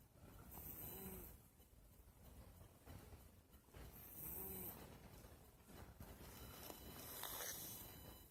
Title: Cat snoring while sleeping in bed